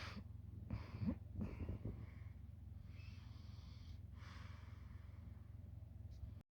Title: Analog Orange quiet snore... 💤